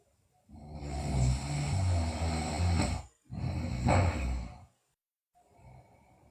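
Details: Two long, low, rumbling snoring breaths with a brief pause between in a sleeping girl; loud snoring.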